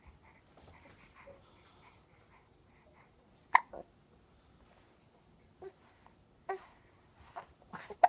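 Quiet room with five sharp, brief catching sounds spaced a second or two apart, typical of repeated hiccups.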